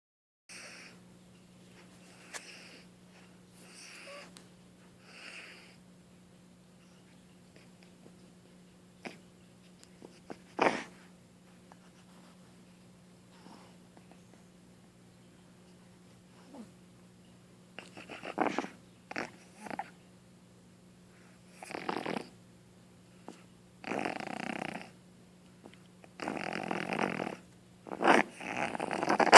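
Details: Boston terrier puppy (female) coughing; bursts of harsh, wet-sounding coughing and throat-clearing with a steady background hum; owner thinks she has mucus or phlegm in her throat and worries she is sick.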